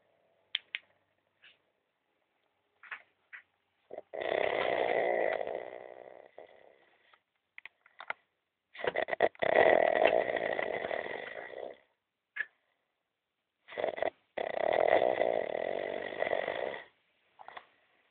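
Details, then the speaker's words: Sleeping person snoring heavily: three loud, rasping snores several seconds apart with short snorts between them; snoring. "duyuyorum değil mi kardeş duyu nasıl horluyor acayip horluyor"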